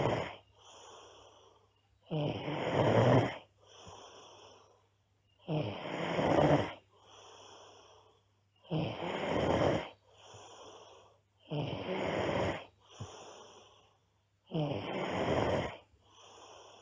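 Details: Loud, rough, fairly regular snoring on each in-breath with quieter out-breaths, about 19 breaths a minute, over a faint low hum, from a sleeping girl; loud snoring.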